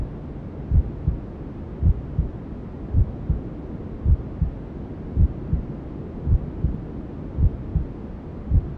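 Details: Simulated newborn sleep-aid ASMR: steady paired low thumps at about 54 a minute under a constant white-noise hiss, imitating a mother's heartbeat and womb sounds; slow regular heartbeat with white noise.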